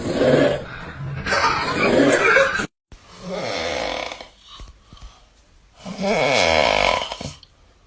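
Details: Compilation of loud, rough, rattling snores repeating with breathing, with an abrupt cut between recordings; sources may be pets or people; snoring.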